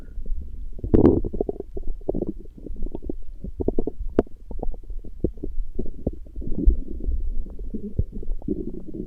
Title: Stomach growling, Урчит в животе